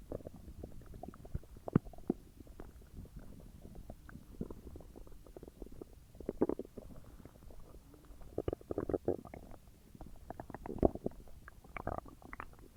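Continuous gurgling and bubbling rumbles with frequent pops, loud digestive bowel sounds after a large meal, a normal finding.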